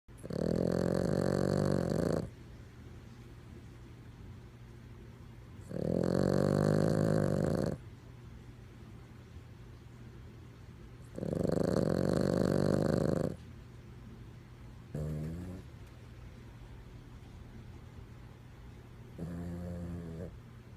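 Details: Chihuahua snoring in sleep: loud rattling snores on each breath, about every five seconds or roughly twelve breaths a minute, with quieter exhalations between.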